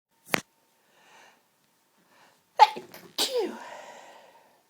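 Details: Sneezing fit: one sharp sneeze, a pause, then two more forceful sneezes close together with drawn-out voiced trailing.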